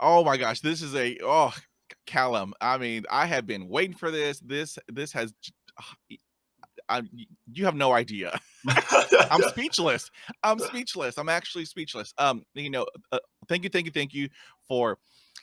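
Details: 50-year-old man who stutters and reports blocks; stuttering.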